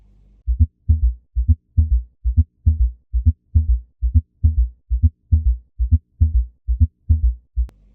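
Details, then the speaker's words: Gallop rhythm heard at the mitral area: regular low heart sounds with a third and fourth heart sound (S3, S4) quickly following S1 and S2, giving a galloping, horse-hoof-like rhythm. "يعني يطلع الاس 1 يطلع الاس 2 وراه يطلع اس 3 اس 4 هيك سريع، فصير مثل الطربقة مال الحصان هيك بالضبط هيك يصير."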